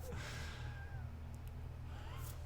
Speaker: my God, you hear that? Fucking wheezing.